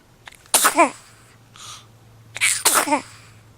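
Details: Henry relaxing on the couch, then sneezing: two sharp sneezes, each with a quick intake before it and a short snuffle between them.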